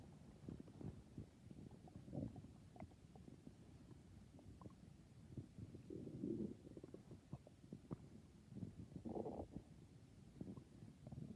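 Quiet gurgling, rumbling and popping bowel sounds coming in bursts, ordinary stomach growling.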